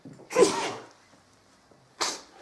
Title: FUNNY SNEEZE